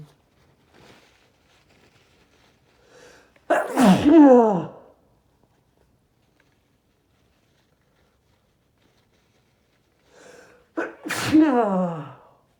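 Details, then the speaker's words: Man deliberately inducing sneezing fits with strong chhinkni that burns his nose: two loud, explosive sneezes, each after a short in-breath with a voiced cry, about eight seconds apart; hard sneezing. "I'm gonna sneeze. Ew. I'm gonna sneeze. Ew. Oh man, I forgot how strong."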